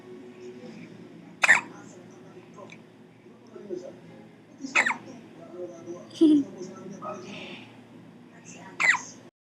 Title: Another Hiccups